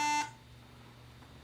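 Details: Short, bright electronic beep, then quiet room, while an IV infusion pump is programmed for a weight-based drip (4 mg in 250 ml, 70 kg, mcg/kg/min) and a second pump needs turning off; infusion pump alarm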